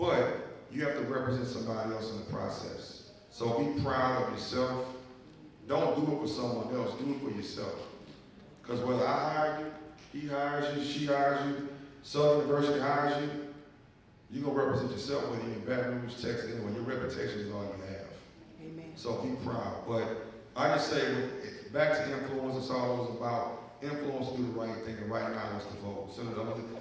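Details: Adult man speaking; normal voice.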